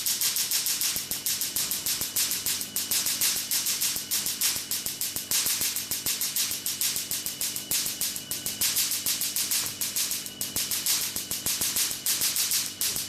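Rapid sharp snapping pulses, about 200 a minute, with a faint steady hum: a Q-switched laser firing at high repetition for tattoo removal.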